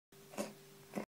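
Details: Cat coughing: two soft, brief coughs over a steady low room hum.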